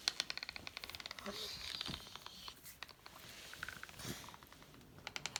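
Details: Person with Bohring-Opitz syndrome grinding teeth while awake, triggered when nervous or agitated: rapid sharp clicking and scraping bruxism with soft breathy sounds between bursts.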